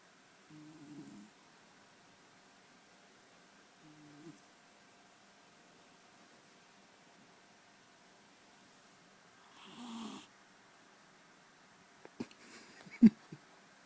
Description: Snoring cat. Turn your speakers up.